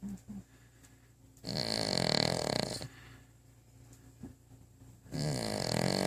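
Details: Dog asleep with her head on the bottom of a coffee table: two loud, rough, rattling breaths over a low rumble, separated by quiet pauses; snoring.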